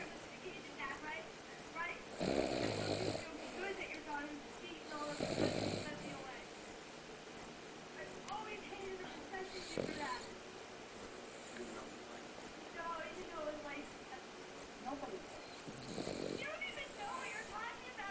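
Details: Snoring: rattling snores recur about every three seconds over quiet background talk.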